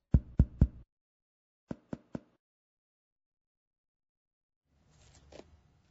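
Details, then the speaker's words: Percussion down the scapular line of the posterior chest while the patient holds a deep breath gives three resonant taps, then three short dull taps where resonance changes to dullness at the lung's lower border over the diaphragm. "take a deep breath and hold it for me please perk us down the scapular line to the lower border where resonance changes to dullness"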